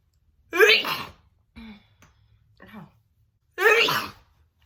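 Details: A woman's big, wet sneezing attack: two loud, wet, explosive sneezes with voiced gasping breaths between them, a short sneezing fit.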